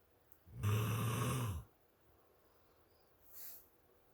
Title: Mr. Snores 3-1-2020